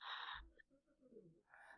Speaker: I hope you can hear that's floss snoring in the background.